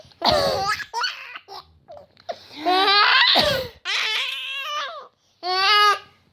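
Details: Mother's two harsh, noisy coughs amid her baby son's high-pitched, squealing laughter; plain coughing.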